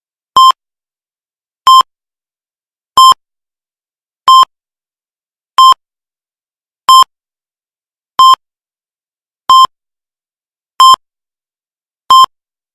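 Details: Simulated heart rate monitor beeping from a sound-effect recording: steady single-tone beeps, about 46 a minute and evenly spaced.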